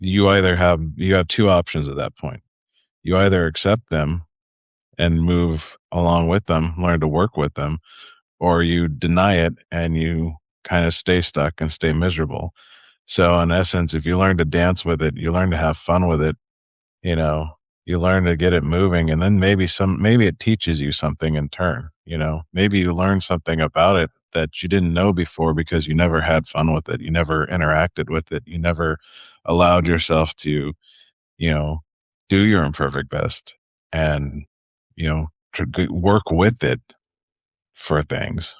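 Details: Adult man; typical speech.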